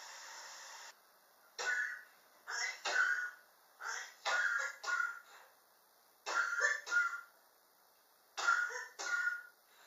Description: My prolonged cough which started summer of 2016. I am still coughing and its already 2019.